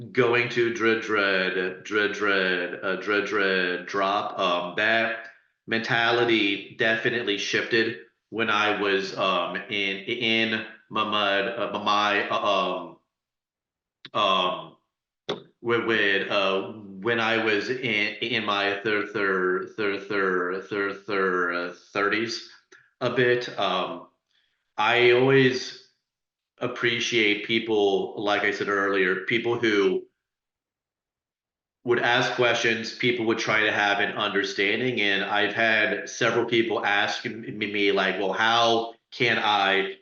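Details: Adult who stutters, real, speaking as a panelist sharing personal experience in a webinar on dating and stuttering: stuttering.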